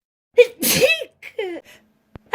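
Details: Edited, possibly slow-motion clip tagged as a baby or child sneezing: a quick in-drawn breath, then a sharp explosive sneeze and a second shorter one, followed by a faint click.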